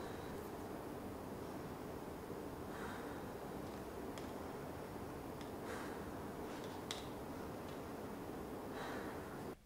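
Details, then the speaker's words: Soft, low rustling breath sounds rise and fade in gentle cycles over background hiss during chest auscultation of the upper, middle and lower zones with deep mouth breathing: normal vesicular breathing, in a respiratory examination teaching demonstration. "The doctor is listening for the intensity and quality of breath sounds and any added sounds. Breath sounds should be vesicular and equal bilaterally."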